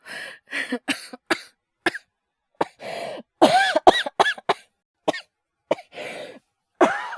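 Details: Acted coughing by a male voice actor role-playing fever and chills at night: repeated bursts of harsh, wet-sounding coughing in quick irregular runs with gasping breaths between, imitating illness.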